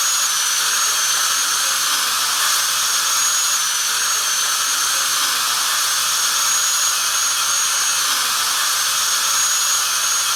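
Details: Dental drill sound effect: steady, continuous high-pitched whine and hiss of a running drill.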